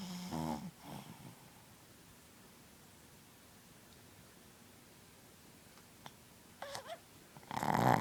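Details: Sleeping dog snoring and dreaming: a rough snore, several seconds of quiet, then a brief whimper and another loud snorting snore.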